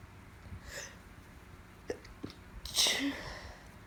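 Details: Female with allergies on top of a cold, during repeated stifled sneezes that grow bigger: quiet breathy intake, then a sharp, hissing sneeze near the end; sneeze.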